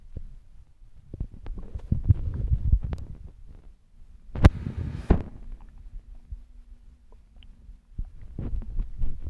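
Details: Stomach growling recorded by pressing a phone against the belly: low rumbling and gurgling with a brief sustained hum, ordinary borborygmi from gut movement.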